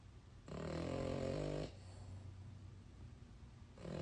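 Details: French bulldog snoring during sleep: a rough, rattling snore on one breath, a quieter pause, then the next snore starting.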